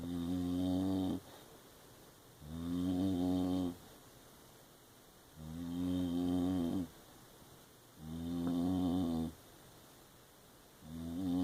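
Loud, regular droning snores from a sleeping dog, about 22 breaths a minute.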